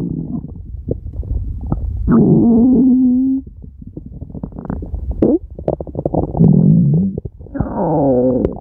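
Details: Loud, long gurgling and rumbling stomach growls with short squeaky tones, self-recorded by a woman; borborygmi.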